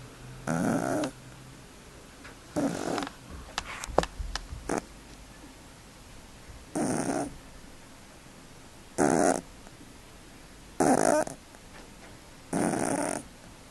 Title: Snoring furry friends